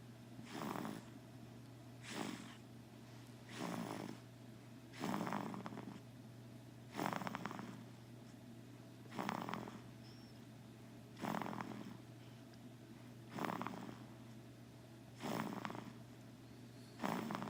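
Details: Ordinary snoring: soft, regular snorting snores about every two seconds over a steady low hum.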